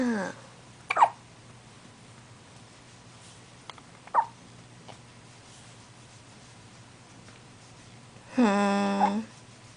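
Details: A baby's hiccups: short, sharp hiccups a few seconds apart, with a brief fussy cry at the end.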